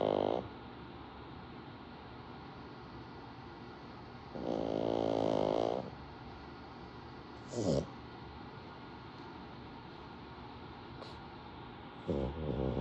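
Loud, harsh, rattling snores of varying length and spacing, with a short snort between them; typical noisy flat-faced dog snoring.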